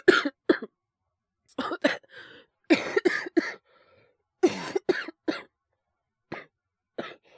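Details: Japanese male VTuber streaming while ill with influenza: about a dozen harsh coughs in quick clusters.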